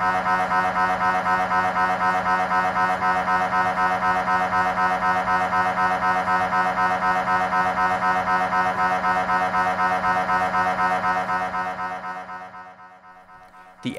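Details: GE Signa Excite 1.5T MRI scanner, standard brain protocol, axial T2 FSE-XL fast spin echo sequence: loud, steady buzzing hum pulsing about four times a second, then fading; MRI scanner sequence noise.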